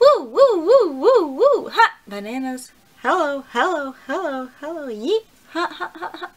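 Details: Vocal tics in a woman with a tic disorder, with repeated words and greetings as tics; tics currently flaring, with new tics this season including copropraxia, during a low-grade migraine.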